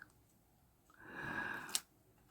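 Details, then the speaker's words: Overweight pet dog, probably male, asleep: a single drawn-out, whistly breath sound ending in a brief snort, in a quiet room: snoring. "he's down here snoring cuz he's a fatty that's why"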